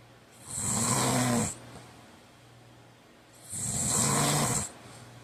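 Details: Two loud, rattling snores on inhalation about three seconds apart, with quiet breathing between; ordinary sleep snoring.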